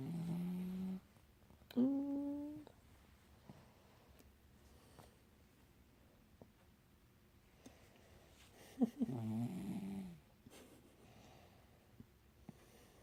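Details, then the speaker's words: Female dog sleeping soundly beside her owner; three soft snores, some with a whistling, humming tone, separated by quiet pauses; ordinary dog snoring. "Are you snoring, bro? Oh my god. Not me."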